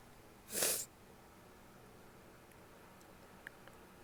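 One sharp, hissing sneeze burst, followed by quiet room noise.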